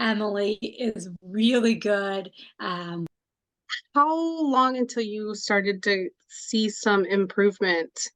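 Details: Adult woman speaking; no speech disorder.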